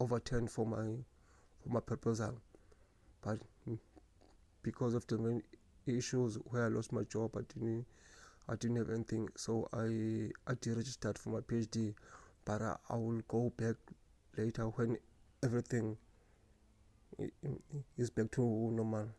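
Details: Adult man who has stuttered since at least primary school; stuttering.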